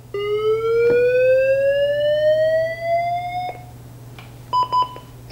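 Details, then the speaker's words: LifePak 12 monitor in advisory (AED) mode on a simulator in ventricular fibrillation: voice prompts "analyzing, stand clear, shock advised," then a rising electronic charging tone for about three seconds and short beeps when charged and ready to shock. "Analyzing now. Stand clear. It will actually be an AED as well. Shock advised."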